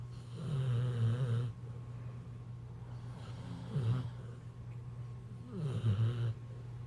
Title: Snore war